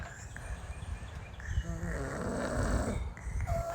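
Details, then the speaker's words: A sleeping girl with a cold gives a low, rough, rumbling snore at a railway station at night, with background noise from the busy station. "ಅವಳಿಗೆ ನೆಗಡಿ ಆಗಿತ್ತು ಅದಕ್ಕೋಸ್ಕರ ಅವಳು sound ಉಂಡಆಗ್ತಾ ಇದೆ ಗೊರಕೆ ಹೊಡಿತಿದ್ದಾಳೆ ಅವಳು ಅವಳದೇ sound ಜಾಸ್ತಿ ಕೇಳಿಸ್ತಾ ಇದೆ"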